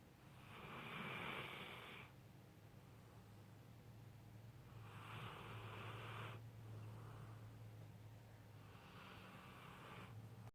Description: Never heard any dog do that, had to record it!#snoringdog